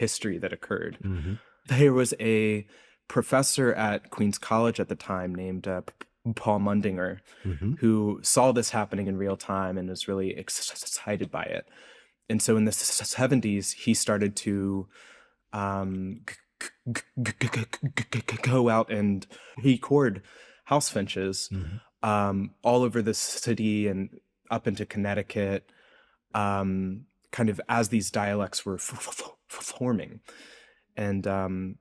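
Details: Adult man's real, self-reported speech impediment, present throughout the interview; this clip has word repetitions; stuttering (disfluent speech).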